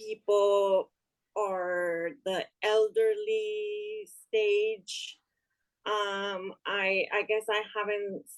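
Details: Woman with aphasia after an ischemic stroke in March 2020 that left her unable to speak; speech improved but slower, with word-finding pauses; aphasia.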